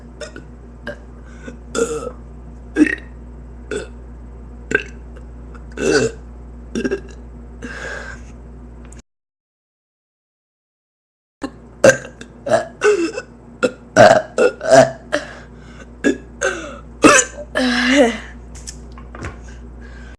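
A long run of repeated belches, roughly twenty short bursts with a brief gap, over steady low hum.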